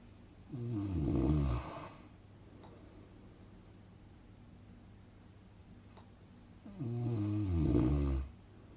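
Two deep, rattling snores about six seconds apart, with quiet breathing out between: rhythmic snoring of a sleeper.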